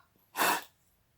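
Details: Respiratory therapist demonstrating a peak flow meter: one sharp, forceful blast of exhaled breath lasting about a third of a second after a deep inspiration, a peak expiratory flow attempt (reading around 320).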